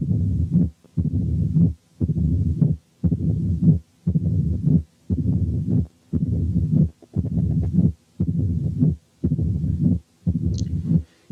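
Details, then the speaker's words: Mitral stenosis findings appearing stepwise: supine, only sounds with accentuated first sound; slowly turning onto left side, opening snap, then mid-diastolic rumble, then presystolic accentuation; regular beat near 58 a minute. "أخيرا هنسمع حالة فيها كل الأوسكالتاتوري فايندنجز بتاعت الماترال ستينوزيس بتظهر خطوة خطوة. أولا والمريض نايم على ظهره هنسمع الساوندز بس والفيرست ساوند اكسنتويتد، وأثناء ما هو بيلف ببطء شديد عشان ينام على الجنب الشمال هتظهر الأوبننج سناب ثم الميد دايستوليك مامر ثم البري سيستوليك اكسنتويشن."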